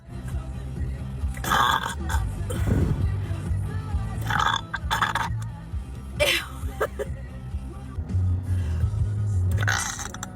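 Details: Young woman deliberately burping at the gym before a leg-day workout: several long, loud, low belches over background music.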